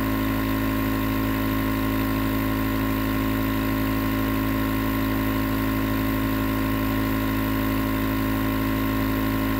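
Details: Nebulizer compressor running as white noise for sleep: steady, loud mechanical hum with constant hiss and no pauses; nebulizer running.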